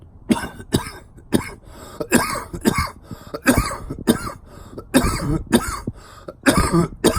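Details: Uncontrolled coughing in a person with a very bad cough and flu-like illness, possibly a virus, not yet recovered: repeated harsh coughs in quick, irregular bursts, about a dozen in seven seconds.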